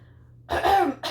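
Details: A single harsh, throaty cough from an adult with a brief second burst at the end; she reports allergy-season bronchial spasms with weather change; cough.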